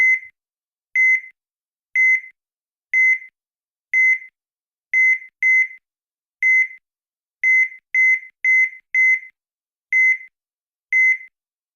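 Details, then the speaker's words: Veterinary digital electrocardiograph TM-300 with Easy-G software, heartbeat sound unmuted; short high-pitched beeps, one per R wave, about 60 a minute with some uneven spacing. "Si yo no los silencio, lo que va a ocurrir es que me va a aparecer un pitido con cada una de las ondas R."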